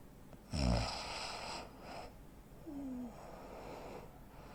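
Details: Real-life snoring of a 43-year-old man, 85 kg, 165 cm: a sudden loud snorting snore, then softer rasping breaths and quiet gaps; snoring with breathing pauses of obstructive sleep apnea.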